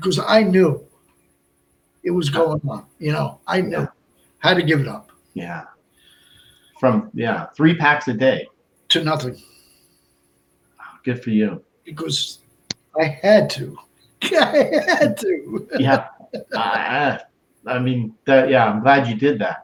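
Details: Adult male stroke survivor with Broca's aphasia for more than 8 years since a stroke on March 22, 2011, also a heart transplant recipient; speech limited to short utterances, laborious word-finding, verbs harder than nouns; Broca's aphasia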